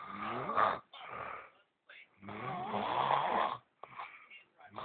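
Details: Adult man (boyfriend) snoring in sleep: loud, irregular rattling breath noises with brief silent gaps.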